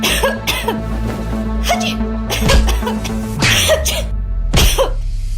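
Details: Acted cough in a TV commercial for a cough-and-flu medicine: several short cough bursts, about six in five seconds, over steady background music.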